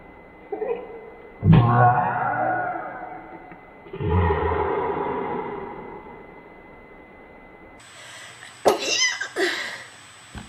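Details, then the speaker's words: Three forceful sneezes, each with a sharp onset and noisy release, in a quiet room; from a compilation of archived sneeze clips. "managed to sneeze most every time i'm filming"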